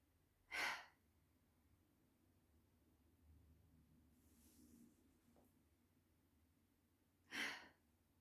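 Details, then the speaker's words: Week 9 group exercise session of huff breathing (forced expiration technique): a long inhale then a short, forced huff out; two sharp forced breaths about seven seconds apart with a quiet breath between. "Okay, and now we're going to do the other way around. So it's a long inhale and then a short huff sound out. So inhale and then a short huff out."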